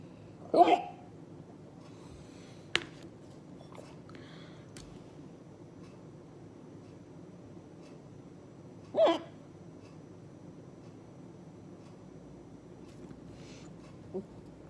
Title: Hard hiccups